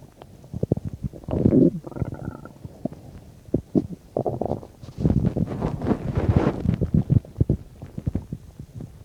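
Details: Gurgling, rumbling stomach noises in irregular bursts while digesting a bean and cheese burrito, about 10–15 minutes after eating; the finding is bowel sounds (borborygmi).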